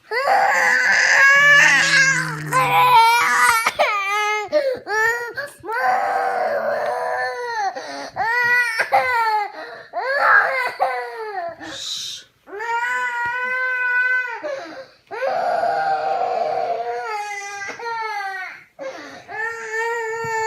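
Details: Young child crying for over eight minutes, sustained loud wailing in repeated bursts with brief pauses for breath, in a small room with music, while asked what's the matter and offered juice: crying.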